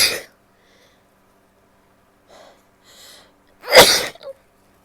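A sharp opening burst, two soft stifled breaths, then a loud full sneeze with a brief tail: sneezing.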